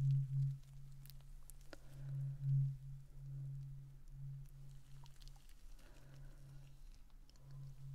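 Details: Simulated ASMR ear-exam role-play: soft, low, steady tuning-fork hum that swells and fades, with faint tapping and handling sounds.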